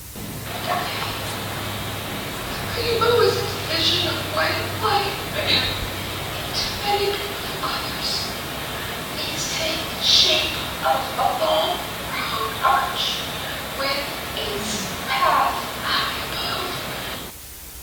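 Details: Laryngitis, self-reported, with the voice sounding different for the past two weeks.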